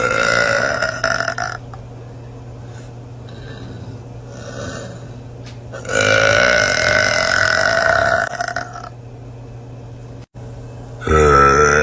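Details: A woman burping: several long, loud, drawn-out belches with brief pauses between them.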